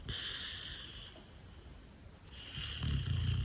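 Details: Snoring from an adopted dog lying on a couch: low rumbling breathing noise with a rattling inhaled snore building near the end, over faint room noise.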